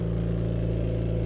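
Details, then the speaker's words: Steady, loud, low mechanical hum of a home oxygen concentrator running 24/7, kept in a closet because it is loud, supplying oxygen to a 1-year-old girl with a tracheostomy and gastrostomy tube. "thing's running 24 7. it does get a little bit hot but not too bad um and we keep it in the closet and run the oxygen tubing out here because it's loud"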